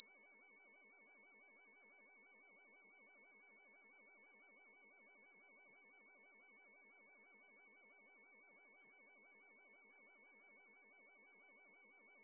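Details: Steady high-pitched ringing tones with a faint wavering whine, a simulation of one person's tinnitus, which began after standing beside an amp at a concert and persisted for years.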